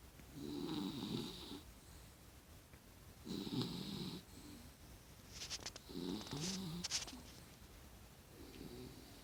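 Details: Sleeping male rescue dog snoring while kicking his feet: repeated rough, rattling snores about every three seconds with rustling movement sounds.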